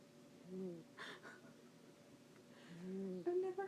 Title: My cat snoring